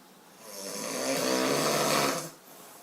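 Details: Adult man snoring: one loud, drawn-out rattling breath in through the nose and throat lasting almost two seconds; snoring.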